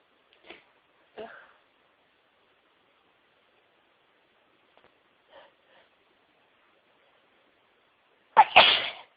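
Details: Faint breathy build-ups and small stifled bursts in quiet, ending in one loud full sneeze, with a wet nose, part of a huge sneezing fit of over 60 sneezes.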